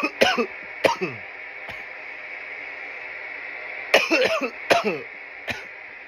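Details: Coughing fits after smoking from a bong: two bursts of harsh, dry coughing, about eight coughs in all, with a steady hum behind; irritant cough.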